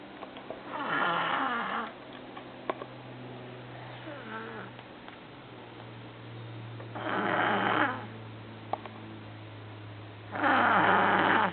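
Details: Baby snoring during sleep: three rough, rattling snores at irregular intervals, about 18 a minute, over a steady low room hum.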